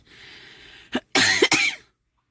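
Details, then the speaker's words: Cough with a lingering cold that worsens at night despite medication: a brief cough followed by a harsher double cough, three bursts in all, over faint room noise. "밤만면 밤만 되면 기침이 너무 많이 나와요 이게"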